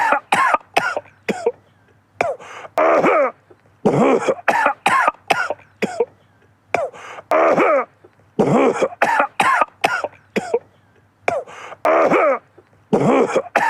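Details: Persistent cough: repeated bursts of harsh coughing in clusters with short pauses between them, about a dozen bouts over the stretch.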